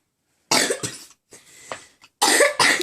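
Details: Four harsh coughs in two quick pairs, separated by a short rasping breath in, while drawing and unable to stop coughing: cough.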